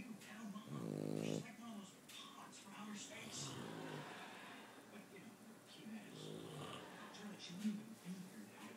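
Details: Boston Terrier and a man snoring together: a man's rumbling snores overlapping the small dog's snorting breaths, with some room noise.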